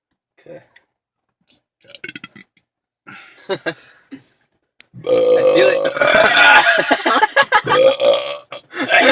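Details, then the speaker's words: Guys deliberately burping in a car while laughing and near vomiting: several short burps, then one long, loud, drawn-out belch with a rough gurgling quality. "I'm trying to burp but you guys are making me laugh I think I'm going to puke"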